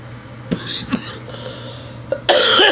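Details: Coughing while vaping a new watermelon-flavour NJOY vape: a few sharp, dry coughs followed by a loud, hissing exhale over steady room hum.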